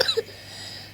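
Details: A child gives a single short, sharp cough, followed by quiet room noise.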